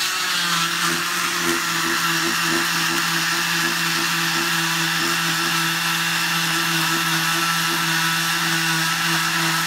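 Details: Steady high-pitched motor whine with a low hum throughout as a cast saw cuts off his cast; afterward he says it tickles.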